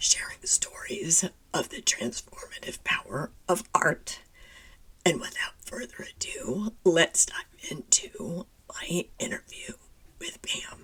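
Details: Adult woman with spasmodic dysphonia, who identifies with the spasmodic dysphonia community and finds phone calls challenging because people often cannot understand her; spasmodic dysphonia.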